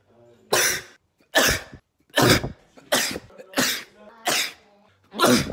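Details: Adult recording himself sneezing: seven sharp explosive sneezes played one after another with brief quiet gaps; sneeze.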